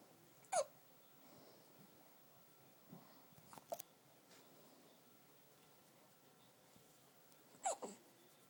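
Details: Hiccups, noted as 7 weeks: three sharp, brief gulping catches several seconds apart in a quiet room.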